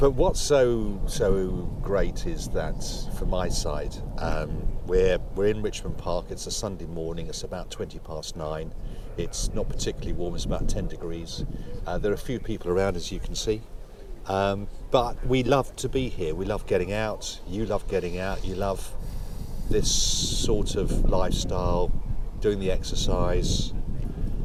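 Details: Adult speaker outdoors; Typical speech.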